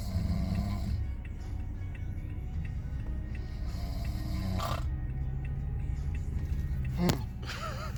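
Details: Rough, low rattling snores from a sleeping man who says he doesn't snore, about every four seconds over a steady low rumble with faint background tones.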